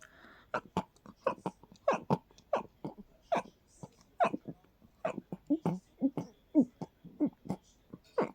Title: Crazy stifled sneezing fit!